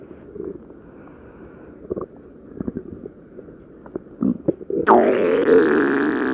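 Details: Bubbly, gurgling rumbles from a person's belly, ending in a long drawn-out growl; stomach growling (borborygmi) from gas and fluid moving through the gut.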